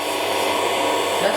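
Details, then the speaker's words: Podiatry burr drill smoothing the nail and groove during ingrown toenail treatment on a patient's left foot, painful on the interior side: loud, steady high-pitched whirring motor causing vibration. "So that's the sound that the machine makes. So it's a little bit loud. And what you'll feel is a bit of vibration."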